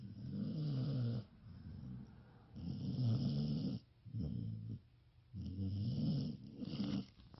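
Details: Ruger, a sleeping dog, snoring: deep, rumbling snores, about three long snoring breaths with quiet pauses between them.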